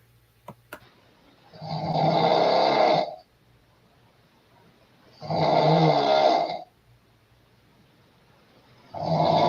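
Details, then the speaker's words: An adult woman snoring in bed: three loud, rough, rattling snores on breaths in, about 17 per minute, with quiet pauses between them in a small room. "this woman standing here with the blonde hair she's going to get in the bed and you're going to hear her snoring right about here"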